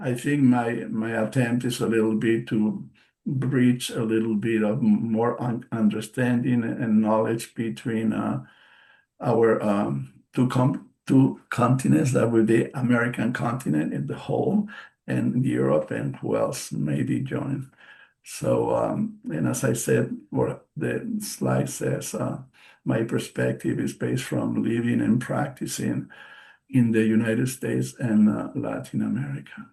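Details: Real post-stroke aphasia in a male bilingual psychotherapist who has been a stroke survivor since March 2020; he reports the aphasia himself and says he tries to speak slowly because of it.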